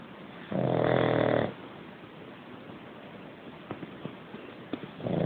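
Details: Sleeping cat snoring: one short, buzzing snore, then a quiet pause with faint clicks, and another snore starting at the end.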